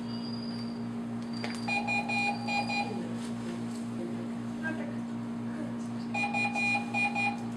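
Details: Repeated bursts of rapid electronic beeping over a steady machine hum: medical equipment alarm during a veterinary practical session.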